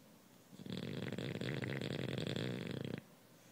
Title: Bulldog Snoring